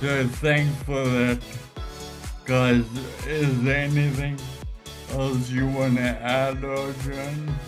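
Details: Ataxic dysarthria in a man with Friedreich's ataxia.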